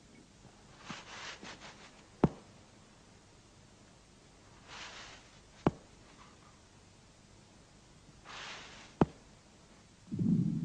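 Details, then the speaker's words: Mitral regurgitation heard at the cardiac apex: a weakened first heart sound and a systolic murmur radiating to the left axilla, caused by blood regurgitating from the left ventricle into the left atrium. "при недостаточности митрального клапана на верхушке выслушиваются ослабление первого тона и систолический шум проводящийся левую подмышечную область"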